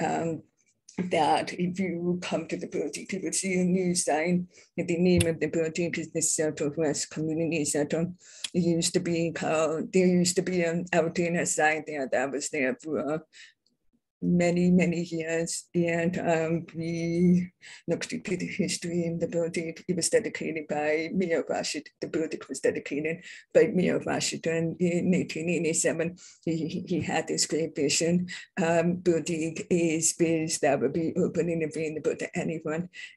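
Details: Adult deaf speaker who identifies herself as deaf with a deaf accent; deaf speech (deaf accent).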